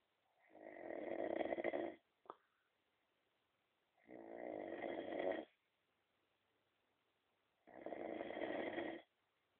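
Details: Three long, loud, buzzing snores about 3.5 seconds apart with silent pauses between them: heavy snoring.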